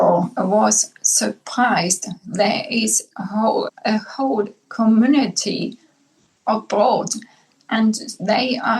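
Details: Aphasia in a woman, formerly multilingual, after a massive brain bleed (stroke); initially unable to speak, she now finds English and German easiest, with Spanish slowly returning.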